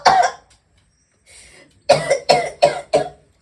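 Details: Acted sudden coughing fit in a skit: one cough, a brief pause, then four quick forceful coughs in a row.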